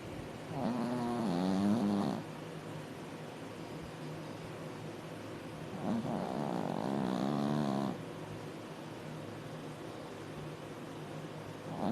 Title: When your dog snores louder than you